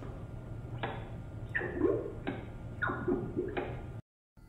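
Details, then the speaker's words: Intraoperative Doppler box check: the scrub nurse places the Doppler probe in water to confirm the device works, giving swooshing, chirping pulse signals over steady equipment hum. "교수님께서 도플러 장비에 사용을 원하시면 서큘레이팅 스는 뮤트를 누르고 스크럽은 물에 도플러 장비를 넣어 장비가 잘 작동되는지"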